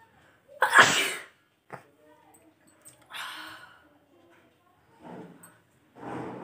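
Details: One loud explosive sneeze followed by quieter breathy sniffs and nose sounds in a quiet room, recorded during a sneezing and nose-blowing challenge with newspaper.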